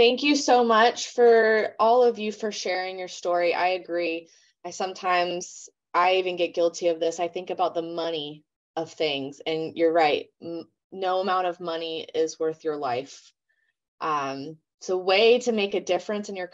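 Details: Adult woman speaking; normal speech.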